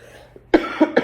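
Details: Three quick dry coughs in a row in a room from a 17-year-old giving a demonstrative speech to a small audience; he thinks he is coming down with a cold, has a really dry throat and chronic coughing.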